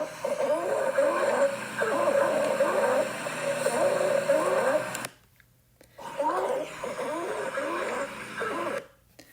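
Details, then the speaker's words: Stridor from a narrowed upper airway, such as epiglottis narrowing or food stuck in the throat, presented as a medical emergency in a nursing lung-assessment lesson: a harsh, high-pitched, musical noise with breathing. "so this is a very high pitch sound it sounds like your Airway is narrowing and you cannot breathe this is a medical emergency and it has to be treated immediately this is what it sounds"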